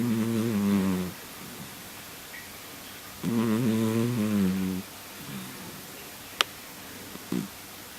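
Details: Domestic cat (moggie) in deep sleep snoring in slow, rumbling cycles with quiet pauses between noisy breaths.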